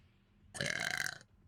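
A single deep, rumbling belch lasting under a second, heard against a quiet room.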